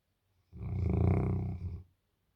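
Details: Sleeping, dreaming Bernese Mountain Dog with tongue out gives a single loud, low, rattling snore lasting over a second, with a fluttering vibration through the breath; ordinary snoring.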